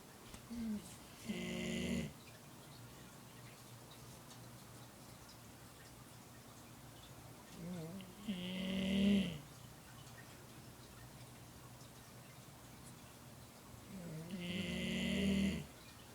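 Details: Dog sleeping at an office, snoring: three slow, rattling snores about six seconds apart, roughly 10 a minute, in a quiet room.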